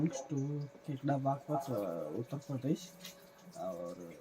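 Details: Patient with adductor spasmodic dysphonia whose voice stayed strained and staccato despite speech therapy, improving immediately after an office-based botulinum toxin (Botox) injection; adductor spasmodic dysphonia after botulinum toxin injection.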